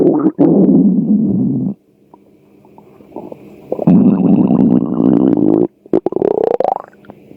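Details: Hunger stomach sounds: loud, low gurgling and rumbling bursts with a rising squeal, separated by quiet gaps. Normal stomach growling (borborygmi).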